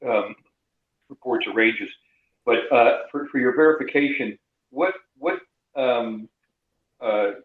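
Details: Adult male speaker over a call line; ordinary conversational speech.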